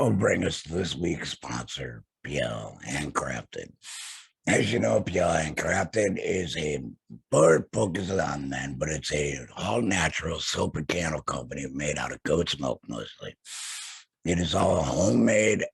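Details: Tracheoesophageal speech via TEP in an adult man after total laryngectomy for throat cancer; has a stoma with HME, no vocal cords.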